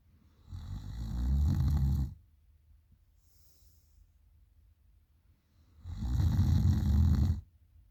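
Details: Heavy night snoring, #snoringgirl: two loud, low, rattling inspiratory snores about four seconds apart with quiet between them.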